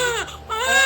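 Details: After a normal vaginal birth, a newborn gives a short, strong, high-pitched wail just after delivery; a normal, vigorous first cry.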